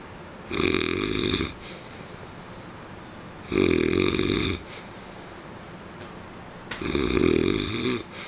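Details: Three loud, rattling snores about three seconds apart, each lasting roughly a second, with quiet breathing between; ordinary snoring.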